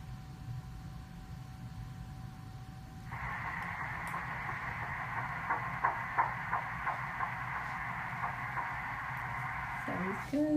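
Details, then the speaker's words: Early pregnancy ultrasound showing a small fetus with yolk sac: fast, soft, rhythmic fetal heartbeat pulsing within ultrasound hiss, measured at 167 beats per minute and judged perfectly fine. "Heartbeat's at 167, yeah, which is perfectly fine. So baby's heartbeats are always way faster than ours are, so."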